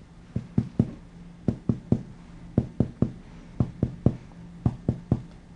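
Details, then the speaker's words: Finger percussion in the fourth intercostal space of a supine patient, moving medially from the anterior axillary line: hollow lung resonance shifts to a flatter dull note marking the left heart border; resonance-to-cardiac-dullness change. "notice the change at that point let me do that again that dullness would be where the left heart border is at"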